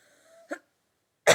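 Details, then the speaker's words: Person with allergies and a headache, allergy medicine not yet taken, recorded during a spoken quiz: a brief faint sound, then a short, sharp cough that cuts off abruptly; cough. "yeah i apologize for all the coughing huh"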